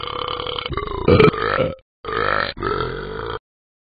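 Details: Burping by the animated dog character Ben from the Talking Ben app, not a real animal: three loud, drawn-out, throaty burps in a row with short gaps.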